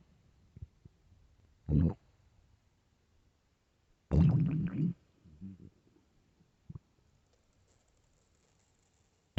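Irregular low gurgling rumbles, one long bubbling growl, between quiet stretches; ordinary hunger-related stomach growling.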